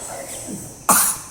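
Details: A boy overdramatizes a coughing fit with a single sharp, forceful, deliberately exaggerated cough that is put on rather than real; feigned cough.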